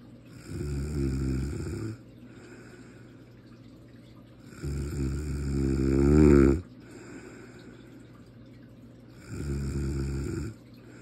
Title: I don’t snore